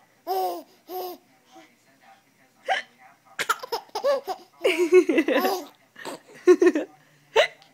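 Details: Adult's hiccups, short sudden voiced catches, mixed with the laughter of a 3-month-old baby who finds them hilarious.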